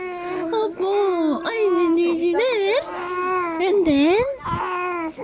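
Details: Infant during a burping session, crying after a burp: continuous wavering high-pitched crying and whimpering with rising and falling pitch; an ordinary baby cry.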